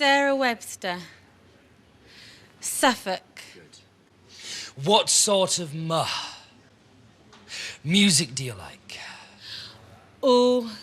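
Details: 28-year-old man from London who stammers; stuttering.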